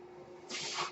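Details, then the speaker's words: Adult's mechanical ventilator heard while he speaks: a faint steady hum gives way to a sudden soft rush of air as the ventilator delivers a breath; mechanical ventilator breath cycle. "That noise here is my ventilator."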